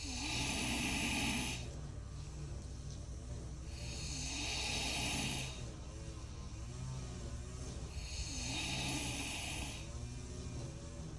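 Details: Loud snoring from a sleeper said to be able to sleep anywhere and to be known for snoring very loudly.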